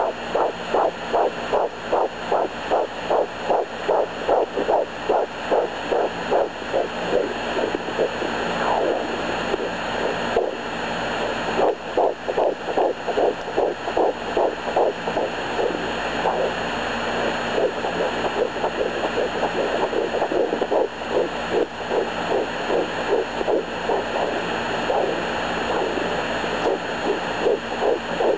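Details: Home fetal Doppler at 11 weeks of pregnancy, possible twins queried after two distinct heartbeats heard (about 162 and 150 bpm), one further back, one closer: fast, regular whooshing pulses at about 150 a minute.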